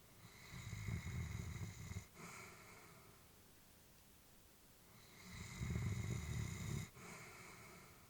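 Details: Elderly female Labrador sleeping: slow, low rumbling snores on each breath with quiet pauses between; ordinary sleep snoring.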